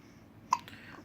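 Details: 3-week-old baby girl who gets hiccups every time after drinking milk: one short, abrupt hiccup against low room noise; infant hiccups.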